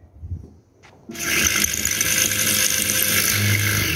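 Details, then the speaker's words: Loud high-pitched implant drill whine running steadily while drilling toward the zygomatic bone on a maxilla skull model during a live zygomatic implant hands-on demo, after switching to a sharper drill because the drill was hardly cutting. "Nevertheless, if you see and my drill is hardly drilling inside. Is that dense? Let me just switch to the Norris drill, which is much more sharper."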